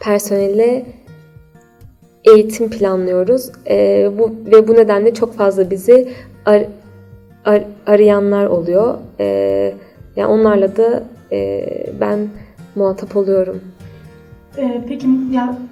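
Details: Stuttering in an adult woman.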